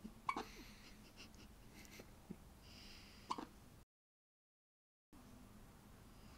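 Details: Baby's first hiccups: a few short, sharp catching sounds spaced a couple of seconds apart in a quiet room; recorded on an iPhone.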